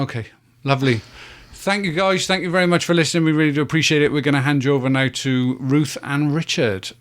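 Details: Adult male speaker; normal speech.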